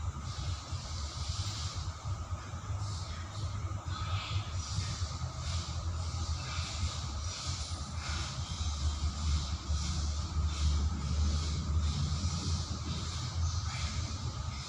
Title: This is what a dialysis machine looks like!